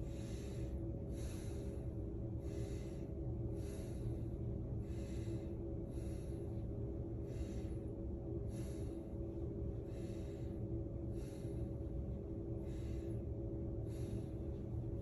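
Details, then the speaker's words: Stethoscope over the anterior chest of an adult man during a nursing head-to-toe assessment, deep breaths on request: steady slow breaths, about 48 a minute, lungs clear to auscultation; normal breath sounds. "I'm going to assess for some lung sounds I'm going to begin with your anterior lung sounds take a deep breath for me"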